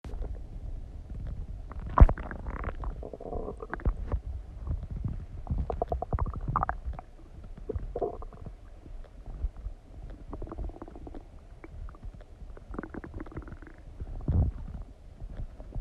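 Low, irregular gurgling and rumbling from the abdomen after eating, ordinary digestive bowel sounds.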